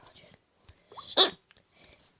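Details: Single abrupt, sharp hiccup amid brief quiet vocal sounds.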